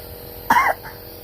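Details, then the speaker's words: Young child, sick with fever and a phlegmy cough, told to cough during nebulizer medicine treatment: a single short, slightly harsh, throaty cough. "Okay don't cry do coughing so the medicine will go inside"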